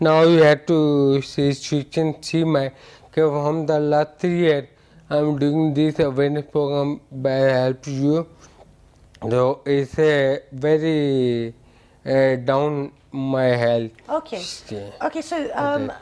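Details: Ataxic dysarthria in an adult male with ataxia for about eight years; a doctor says ataxia affects speech.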